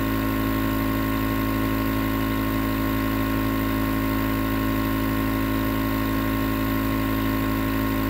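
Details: Nebulizer compressor running as white noise for sleep: steady, loud motor drone with buzzing hum and hiss, no breaks; continuous nebulizer running sound.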